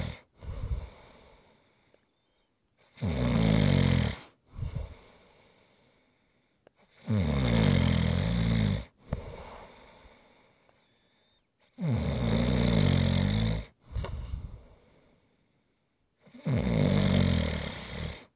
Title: ASMR Snoring Sounds